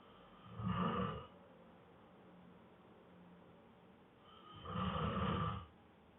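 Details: Exhausted man asleep after a long workday, snoring heavily: two deep, rumbling snores about four seconds apart, roughly 15 breaths a minute, in a quiet room; snoring.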